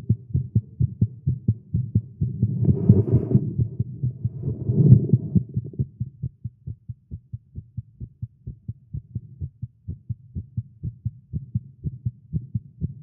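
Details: Male's rapid, strong heartbeat at roughly 130 beats a minute with a brief rushing noise midway, recorded live after exercising with caffeine; tagged irregular heartbeat; fast heartbeat.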